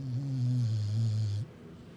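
A single low, steady rumbling snore from a sleeping dog, lasting about a second and a half.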